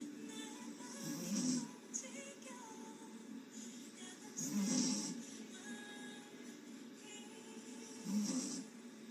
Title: Lady snoring on stream #shorts #sleeping #snoring #mouthopen